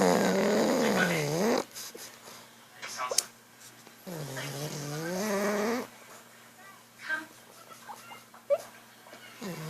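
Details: Drawn-out, groaning snores with rising and falling pitch, about two seconds each, with quiet breathing noises between them: snoring.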